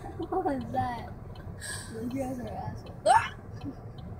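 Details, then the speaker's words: Holly's hiccups after a birthday dinner, recorded in a car: sudden sharp catches of breath with a brief vocal squeak over car noise and nearby talk. "oh come on go away he's trying to record my hiccups what that's what she sounds like"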